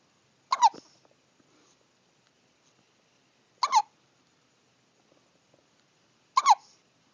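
Three short, sharp squeaky hiccups about three seconds apart in a quiet room, heard as pet hiccups.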